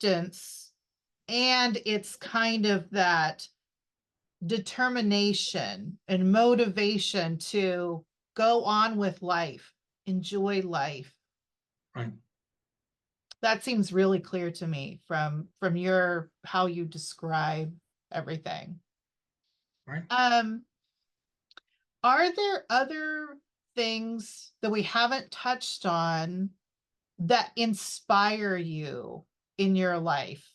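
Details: Adult interviewer; typical speech.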